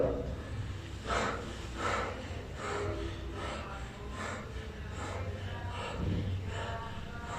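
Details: Normal breath sounds heard on stethoscope lung auscultation of the chest.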